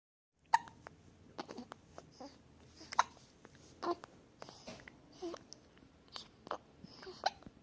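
Abrupt, brief gulping hiccups at irregular intervals, roughly two dozen a minute, mixed with soft vocal sounds; hiccups.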